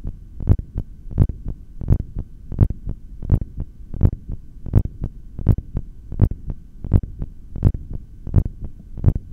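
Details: Heartbeat through a stethoscope during a long breath-hold: regular lub-dub at about 83 per minute over a low hum.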